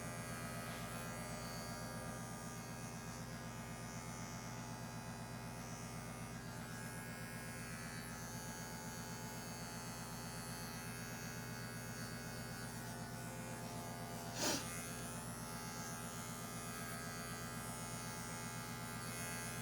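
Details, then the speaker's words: Steady hum of electric clippers running continuously, with a brief louder knock near the end: fur clipping for a prescrotal incision on an anesthetized 17-month-old intact male Labrador Retriever mix before neutering. "first starting where the incision will be working my way out without going over the same area more than once"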